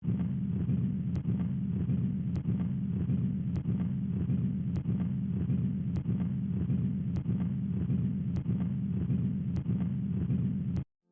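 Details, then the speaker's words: Simulated heart sounds of patent ductus arteriosus: a continuous machinery murmur, a steady low burring rumble running throughout systole and diastole with no pause. "s a Machinery murmur and it occurs throughout syy and diast the murmur is represented visually with a plateau wave that runs throughout syy and diast to help Commit This one to memory think about a continuous burring sound that runs the whole length of the cardiac cycle"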